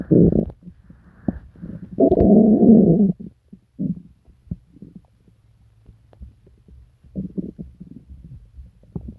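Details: Person sick to the stomach for several days with pain, diarrhea and nausea: loud, drawn-out gurgling and deep growls with scattered short bubbling pops; vigorous borborygmi.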